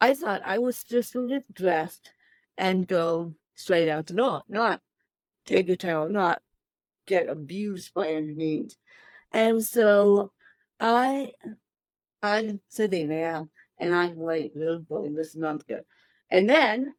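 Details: Adult woman with cerebral palsy since birth, born 13 weeks premature weighing one pound thirteen ounces; dysarthria due to cerebral palsy.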